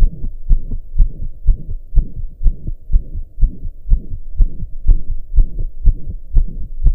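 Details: Fast, regular, loud heartbeat of about 120 a minute with a whooshing murmur through each beat, recorded lying down after the heart had calmed from pounding for hours; heart murmur.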